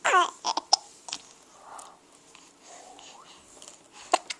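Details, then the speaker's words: Four-month-old boy giggling and babbling, with sharp, abrupt catches breaking in at irregular intervals; infant hiccups. "You have the hiccup. Get you. Did mommy tickle you?"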